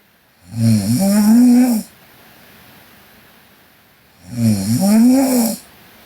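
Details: Two long, loud, rattling inspiratory snores with quiet pauses between, from a sleeping Korean girl: ordinary snoring.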